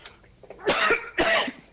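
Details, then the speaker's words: Adult's two short, harsh, dry cough bursts in quick succession in a quiet room, on a talk show (speaker later says it's just nerves); cough. "doing great i'd love to hear it i got a cough"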